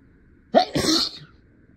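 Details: A single partly stifled sneeze, a short sharp intake then a forceful burst, held back while acting out a lawyer's courtroom speech; the sneezer was stuffy.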